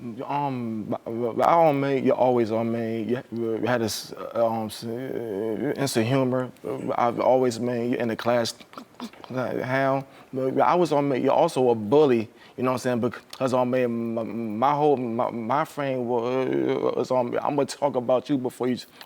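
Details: Adult male stand-up comedian who does not hide his speech impediment while performing; stuttering.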